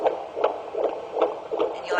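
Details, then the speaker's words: Rapid, regular whooshing Doppler pulses at about 155 a minute during an antenatal examination, baby's heart rate described as running in the 140s: normal fetal heart sounds. "it's about in college you'll get this baby's heart rates running in the 140s"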